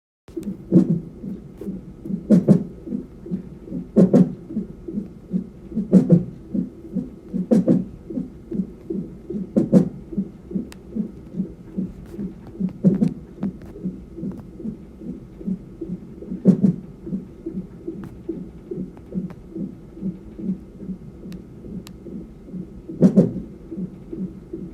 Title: Baby has hiccups in the womb